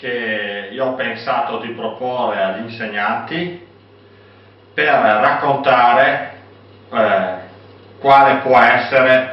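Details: Adult male; typical speech.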